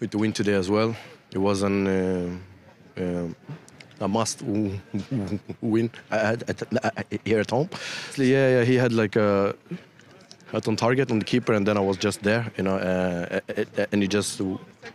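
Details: Stuttering in an adult male professional footballer, heard during a post-match interview.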